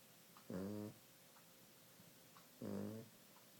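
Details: Maltese dog snoring: two rumbling, voiced snores about two seconds apart in a quiet room.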